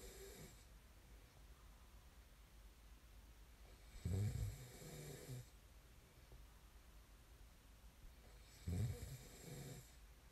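Deep, low rumbling snores on each breath in, about one every four to five seconds, with quiet breaths out; ordinary snoring.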